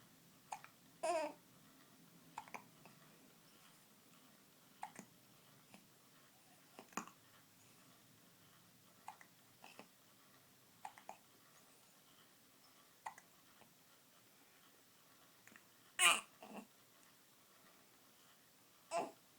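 Repeated brief, sharp catches every second or two in a quiet room, with soft baby sounds between; fits hiccups.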